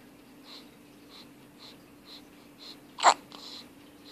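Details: In someone with hiccups, soft rhythmic breaths come at steady intervals, then one sharp explosive burst with a short follow-up: a single sneeze.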